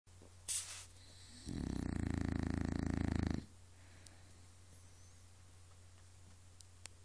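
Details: A single loud, rattling snore lasting about two seconds in a quiet room from a woman unaware she snored; ordinary snoring.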